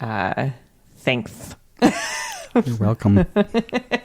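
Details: Adult male speaker; no speech disorder.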